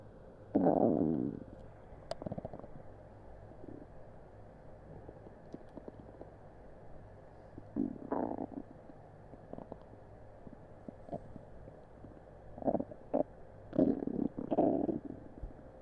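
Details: Upset stomach recorded on a Blue Snowball Ice microphone after an unremembered meal; irregular gurgling and rumbling bursts from the abdomen; active bowel sounds, borborygmi (stomach rumbling).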